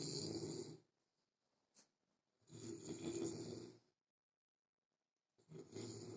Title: A soldier who sleep alone for his huge snoring...